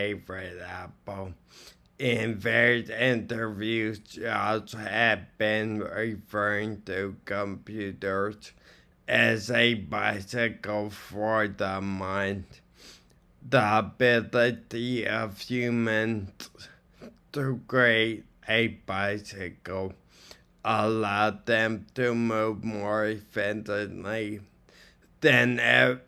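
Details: Man with ataxia from cerebellar strokes reading a passage aloud; he can be very hard to understand; ataxic dysarthria.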